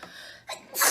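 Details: A K-pop idol sneezing, from a compilation: short breath catches build to a sharp, hissing sneeze burst at the end.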